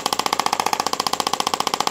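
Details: Rapid, even clacking pulses, about 14 per second, from a radial shockwave device applied to the heel and arch of the sole of the foot in a podiatry office, likely for plantar fasciitis; radial shockwave device firing.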